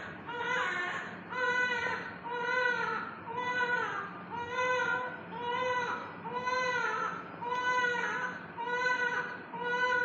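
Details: Rhythmic, clear crying from a newborn in the NICU, about one cry per second, steady in pitch with brief breaths between; ordinary vigorous newborn cry.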